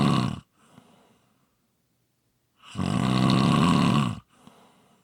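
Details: Loud, rough, low rattling snores on the in-breath, separated by quiet exhaled pauses; typical snoring.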